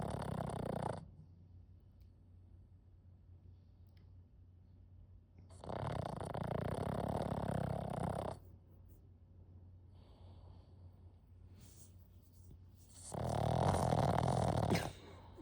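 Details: Puppy named Pixl in deep sleep: three long, rough, rattling snores on inhalation separated by quiet pauses; loud dog snoring.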